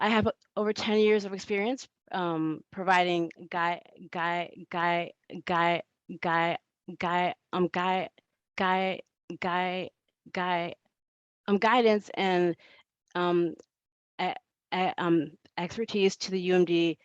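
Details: Adult woman who states she stutters and that it is heard throughout her presentation; stuttering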